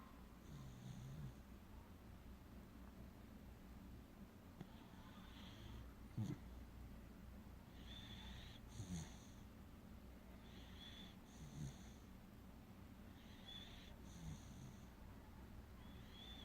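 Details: Six-month-old Welsh Corgi puppy snoring on a sofa right after lying down: soft, regular snoring snorts, about 22 breaths a minute, over steady low room hum.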